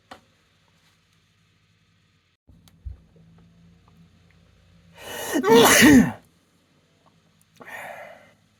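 A quiet room, then one loud sneeze with an in-breath and burst, followed by a softer exhale or second small sneeze.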